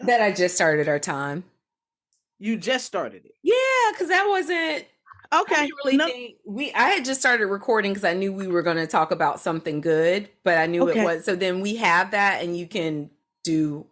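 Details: Adult woman speaking, casual conversation; ordinary conversational speech.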